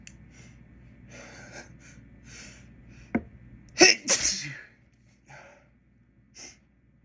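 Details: After dropping a container of white pepper while cooking: a quiet sniff, then two forceful sneezes in quick succession with a brief gasp between, then softer breaths; pepper-triggered sneezing.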